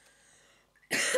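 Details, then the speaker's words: Adult woman, unwell with a red, raw nose and hoarse voice, in a quiet room gives a single sudden loud cough burst at the end; an ordinary cough from illness. "tutto tagliato rosso e ogni tanto mi sentirete tossire e la voce un po quello che comunque torniamo a noi"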